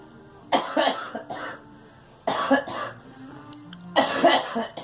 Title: Girl coughing